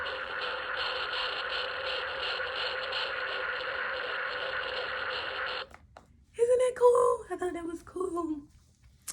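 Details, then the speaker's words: A baby girl's fetal heartbeat recorded from the mother's ultrasound and played back from a keepsake bear; tinny, rapid, rhythmic whooshing at about 130–140 per minute, followed by brief other sounds. "I always have a little baby's heartbeat with me forever and ever and ever"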